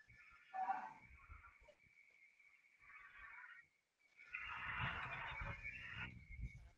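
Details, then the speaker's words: Dog (female) with rapid, irregular snorting gasps on inhaling, heavy rain noise behind; owner thinks it is a reverse sneeze, possibly she ate something. "my dog started choking on air oh she's still doing it it's reverse sneeze"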